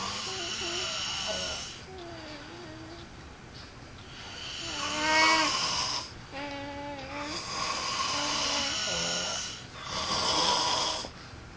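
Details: Two sleeping adult men snoring together: loud, uneven snoring with whistling, tonal breaths and snorts over a steady background hiss; snoring.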